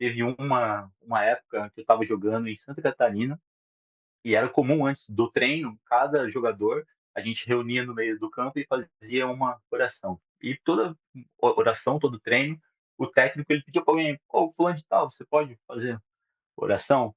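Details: 37-year-old adult male who has stuttered since childhood, speaking Portuguese; stuttering.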